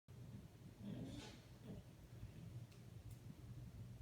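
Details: Pug snoring: low rumbling, snuffling breath noises repeating over a few seconds, snoring from a short-nosed dog.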